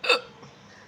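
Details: Woman with real, non-stop hiccups: one sharp, abrupt, loud hiccup with a brief throaty click, then quiet.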